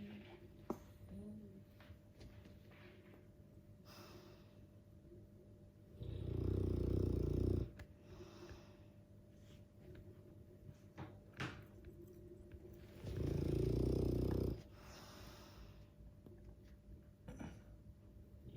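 Slow, deep, rumbling snores, two long ones about seven seconds apart, with quieter breathing between; a large dog snoring in sleep.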